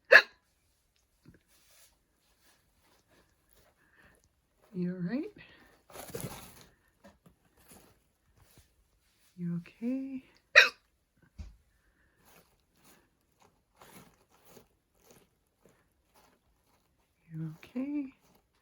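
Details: Human hiccups next to a new male guinea pig: repeated brief, squeaky hiccup-like chirps with pauses, a few clicks and faint rustling in a quiet room; hiccups.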